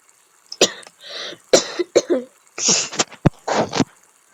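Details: Several short, wet-sounding coughs with throat clearing, about six bursts in four seconds, from a person recording a game video; cough.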